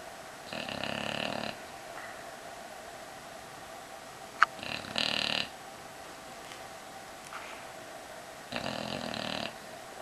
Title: Snoring with her Baby